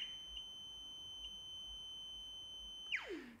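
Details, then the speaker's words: Surgical gamma probe (Dilon Navigator probe) held over a test check source: steady high electronic count tone with faint pulses, then a falling sweep, confirming the probe reads counts; quick functional check. "Puede usar la fuente de verificación de prueba para escuchar el sonido y leer los recuentos."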